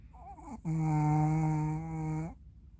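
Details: 3-year-old Maltese dog sleeping deeply after playing hard in the morning; a long, steady, buzzing humanlike snore lasting nearly two seconds.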